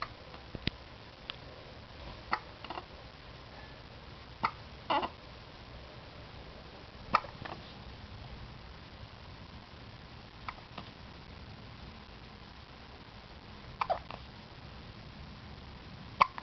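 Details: Hiccups in a newborn baby aged 2 weeks: brief sharp catches repeating every few seconds, about ten over sixteen seconds, in a quiet room.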